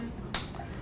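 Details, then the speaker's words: Single sharp crack over quiet room noise: one pulse from a transcranial magnetic stimulation coil held over the head during a live demo. "okay now maybe you guys think that we're just faking this it's possible so Alex is going to show you that this thing is actually doing something besides making a cracking noise"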